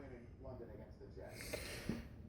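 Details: Adult man with persistent hiccups not relieved by drinking water: faint voicing and breath noise, then two abrupt, sharp gulping catches about a third of a second apart; hiccups.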